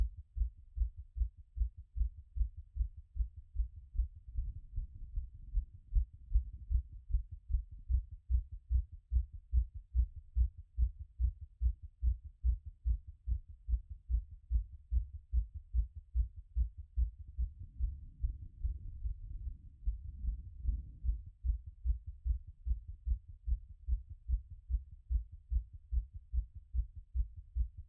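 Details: Own heart auscultated with a stethoscope after a workout, having beaten around 180 and already settling: quick, regular heart sounds while recovering; fast heartbeat after exercise.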